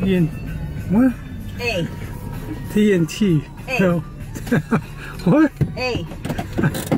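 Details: Vlogger with aphasia following a stroke, own speech; aphasia.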